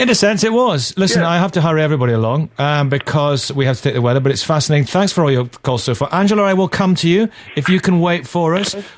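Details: Adult male radio presenter; Normal fluent speech.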